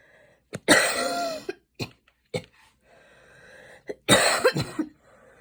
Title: post run cough - i was running for like 5mins and then it started to rain